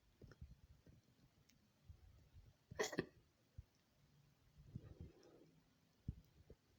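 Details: A woman's own hiccups, edited into a compilation: several sharp, brief hiccups separated by quiet pauses, with faint room noise between them; repeated hiccups.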